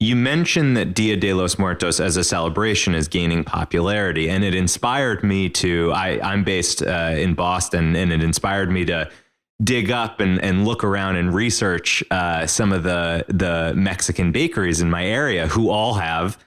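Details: Adult male speaker; ordinary speech.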